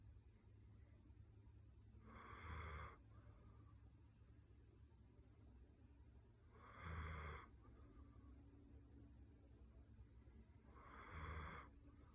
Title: One minute of snoring to help you sleep…